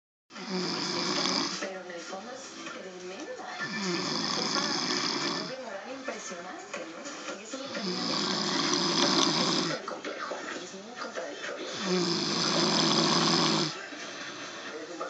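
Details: Adult man, a stepfather who denies snoring: loud, harsh, rattling snores recurring about 16 times a minute, with rough fluttering on both in- and out-breaths.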